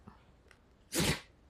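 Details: A dog sneezing: a faint intake of breath, then a single sharp, explosive nasal sneeze.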